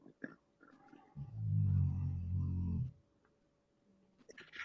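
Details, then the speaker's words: A sleeping pet snoring: a single deep, rumbling snore lasting about two seconds, with faint room noise before and after. "that boris snoring yup yeah i'll be there wow snorris death sounds very hey t george that sounds awesome that he's snoring"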